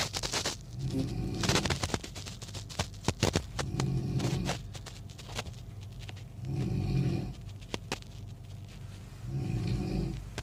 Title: Snoring sound